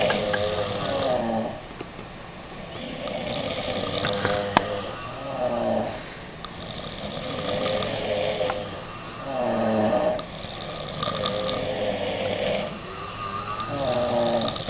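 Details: Several overlapping rough, rattling snores in rhythmic cycles, some with a hiss on the in-breath, from a group of five girls on holiday, after a nightclub and alcohol; ordinary snoring.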